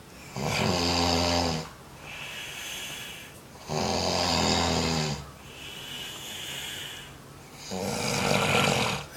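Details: Adult man, the father, asleep in a room at a youth conference after nodding off within 10 minutes: loud rattling snores on each in-breath, about 16 a minute, quieter breathing out between; ordinary heavy snoring.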